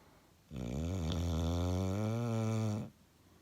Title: Sleeping Snoring Bulldog